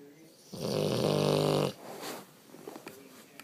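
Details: Sleeping boxer dog, described as the loudest snorer, with one loud, harsh, vibrating snore, then a softer breath out; snoring.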